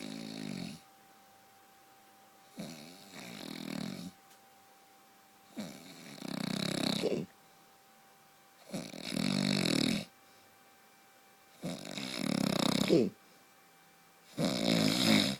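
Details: Adult man snoring loudly: rattling snores recurring about every three seconds, separated by quiet exhalations.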